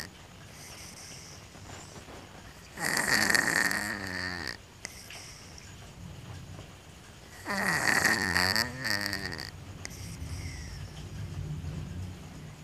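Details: A sleeping cat snoring with an odd sound: two loud, rasping, whistling breaths about five seconds apart, with softer breathing between; snoring.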